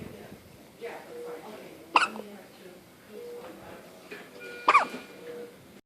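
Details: Boy with hiccups: hiccups.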